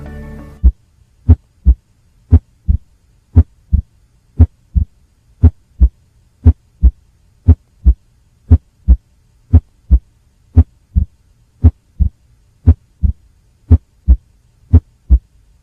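Regular heartbeat about 57 a minute, each beat a close pair of low thumps with a soft, dull extra sound in early diastole: third heart sound (S3).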